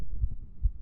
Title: Female's Quick Heartbeats Picked Up By Mic